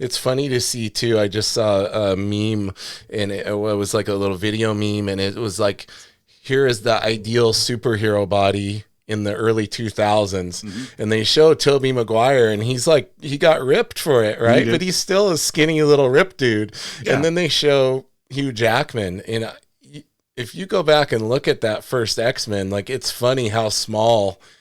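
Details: Adult man speaking; ordinary speech.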